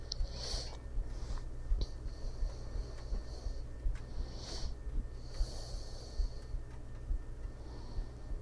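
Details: Adult woman recorded sleeping with a 3DIO binaural microphone beside her in bed: soft, slow, regular breaths over a steady low hum and computer noise; normal breathing during sleep.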